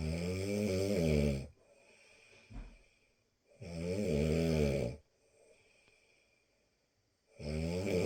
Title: Ronquidos para dormir... Snoring to sleep...